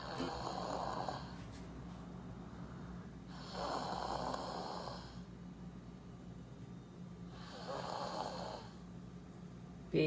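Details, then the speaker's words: Heavy snoring from a boy stated to be 15 with mouth breathing and daytime tiredness; he was found to have 80% adenoid obstruction and was treated with adenoid surgery and a myofunctional appliance. "eu sou eu ea mãe pedro pedro tem 15 anos e ele ronca muito fã de torne"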